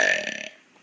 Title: MORE BURPS ( longer video time )